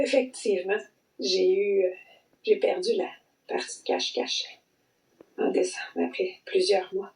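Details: Adult with long COVID, with vocal cord sequelae heard as intermittent blocking, plus respiratory symptoms, brain fog, dysautonomia and post-exertional malaise; intermittent voice blocking (vocal cord dysfunction).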